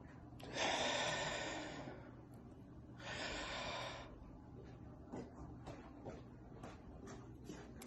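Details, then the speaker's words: Two long, deep, noisy breaths with pauses: demonstrated chest-infection breathing technique, five deep breaths each held five seconds, then a sixth breath and big cough, done twice to open lung bases and prevent secondary pneumonia. "the way it will work is you will take five deep breaths in and each time you'll hold your breath for five seconds on the sixth deep breath you will take it in and you will do a big cough and covering your mouth okay you will do this twice"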